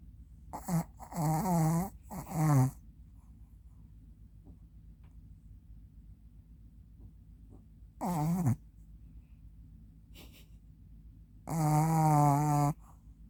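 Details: 3-year-old Maltese dog sleeping deeply after playing hard in the morning; rough, rattling humanlike snores with quiet pauses between them.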